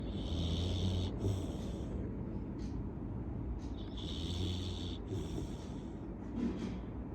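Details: Snoring from a Labrador dog: loud, rough, low snoring with hissy breath phases over steady room noise, in two long rattling cycles with a snort between.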